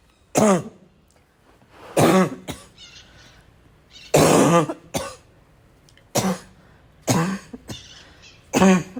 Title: LOTS of barking cough